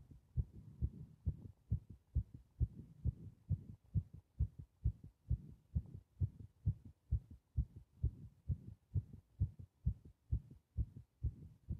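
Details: Steady, regular heartbeat with clear, even thumps and no extra sounds, recorded during paper-bag breathing (part 3); heartbeat.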